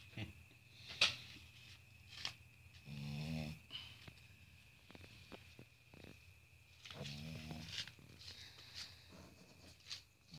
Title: Cute snoring pug